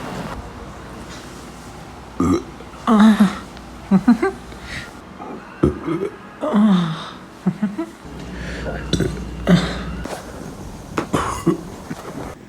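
A run of several loud, voiced, gurgling burps with short pauses between them, quiet room noise behind. Repeated belching.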